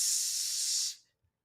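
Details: Acted stuttering: a stuttering coach imitates how a person who stutters says the word "sitting", prolonging the initial "s"; stuttering (sound prolongation).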